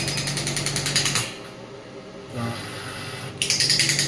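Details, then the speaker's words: Biotronix pneumatic (ballistic) extracorporeal shockwave therapy device, 0.5–12 bar, firing as power is increased, with a shot counter running: rapid, rattling mechanical taps in bursts with a pause between; radial shockwave device firing. "देखिए यहाँ पे counter शुरू होंगे shorts के लिए, और जैसे जैसे मैं पावर बढ़ा रहा हूँ सिस्टम मेरे को पावर इतनी आ रही है कि मैं आपको डियर नहीं कर सकता, तो मैं आपको कहीं वो काम करके भी दिखाता हूँ।"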